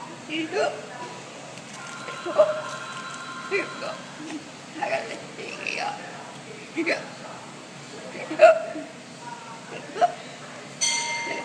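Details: Kid with hiccups: short, sharp, repeated hiccups, about nine in eleven seconds, over a little background talk and music.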